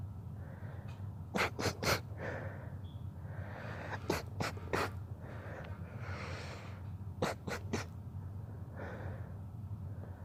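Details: Sneezing fit: three rapid bursts of three sharp sneezes each, with quick breathy inhalations between bursts.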